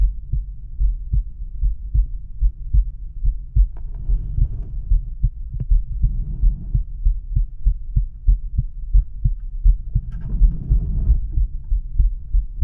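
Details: Male heart auscultated with a stethoscope diaphragm at the mitral area (apex): steady, regular low thumps of a normal heartbeat; normal heart sounds.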